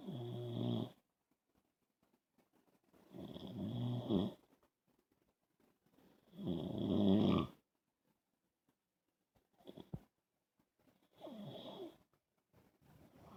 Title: Snoring man suffering from Sleep Apnea